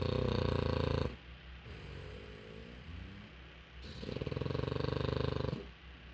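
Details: Loud, rattling snores in long bursts with quieter breathing between, from a sleeping female puppy exhausted after a day of play, loud enough to make the television hard to hear; snoring.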